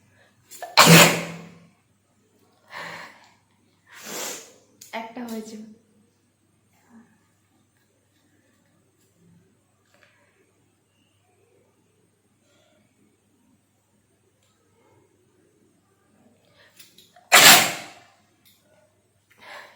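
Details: Two loud, explosive sneezes, with a few short breathy inhalations and sniffs between them, in a quiet small room during a woman's sneezing and nose-blowing challenge.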